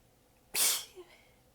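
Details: A single hissing sneeze burst with a short soft after-sound, somewhat held back, from a prolonged sneezing fit; the sneezer was exhausted with sore abs, biting sneezes back, and later says the nose was pinched on one.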